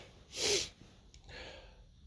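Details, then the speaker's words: Morning sneezing fit on waking, among repeated sneezes and nose blowing, from an adult male: one sharp, hissing sneeze burst followed by a quieter breath out. "hey hey I got the sneezes today"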